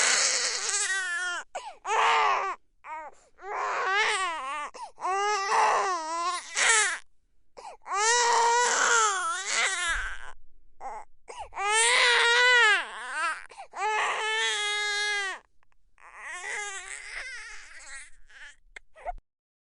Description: Description: 3 month old baby crying. Recorded on Røde NT1 microphone in sound booth.